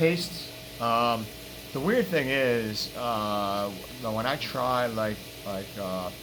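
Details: Man living with throat cancer, constrictor muscle removed from the back right side of his throat; hypernasal speech with air escaping into the nasal cavity, plus a lisp on s sounds; varies, sometimes almost normal, slow progress.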